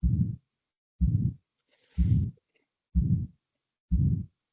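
Regular heartbeat near 62 a minute, each beat carrying a harsh rumbling murmur of aortic stenosis.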